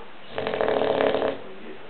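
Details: Bulldog sleeping, one rough rattling snore about a second long, typical flat-faced dog breathing in sleep; snoring.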